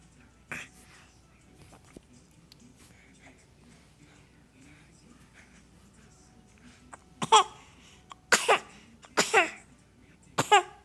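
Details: A young boy gives about five short, voiced coughs on purpose; voluntary pretend cough, not from illness.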